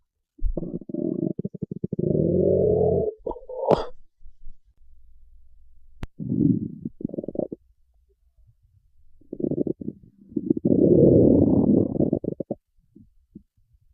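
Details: Stomach growling: low gurgling, rumbling bursts with pauses between them; borborygmi.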